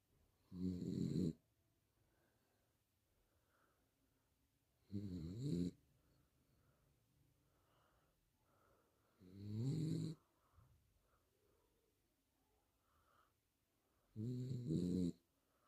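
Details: Sleeping dog, owner insists the snoring is real: four loud, low, rattling snores, about fourteen a minute, with quiet pauses between.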